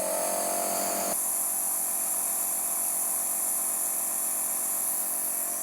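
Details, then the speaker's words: Medtech Nebulizer Smart piston compressor switched on during a product test with mask attached: steady buzzing hum, pitch rising after a second then even; described as fairly quiet, though louder when vibrating on a table. "काफी बढ़िया तरीके से जो ये है machine कम कर रही है तो काफी बड़े तरीके से ही मशीन यहां पे कम कर रही है और उसकी नॉइस भी काफी एक कम है"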